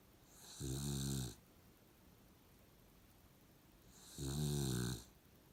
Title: Snoring Puggle.